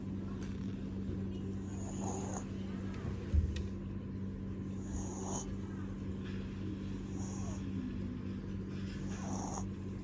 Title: Snoring Dog.. eat play sleep and repeat 🔁